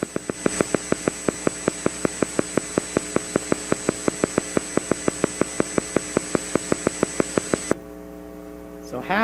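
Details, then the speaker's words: EMG teaching recording of a single motor unit firing: sharp, evenly spaced pops at 6 Hz over a steady hum, shown on a 50-millisecond-per-division sweep; normal motor unit firing rate. "I want you to listen to this down six Hertz okay"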